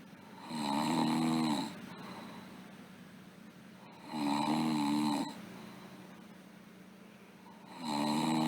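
Loud rattling snores on each breath in, about 17 a minute, with quieter breathing out between them; a steady hum runs in the background.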